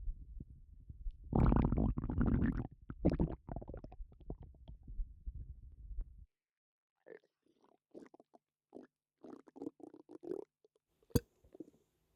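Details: Person with a bloated, upset stomach: loud low gurgling and rumbling, then a quieter stretch of short bubbling gut sounds, with burping; active bowel sounds with bloating.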